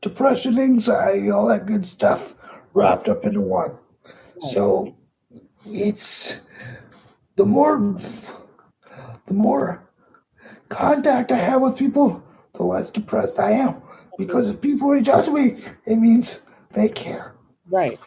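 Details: 22-year-old man with cerebral palsy affecting his muscles; he says tighter muscles make talking more difficult and that it is audible in his voice; dysarthria due to cerebral palsy.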